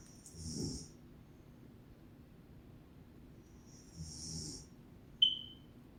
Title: My Mom Snores like a Monkey 🐒🐒🐒